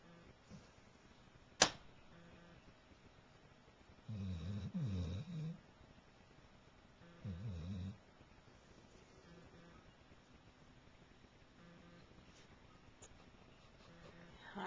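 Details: Chocolate Labrador dog snoring loudly while asleep: two loud, fluttering low snores a few seconds apart, with a sharp click early and quiet room noise between; snoring.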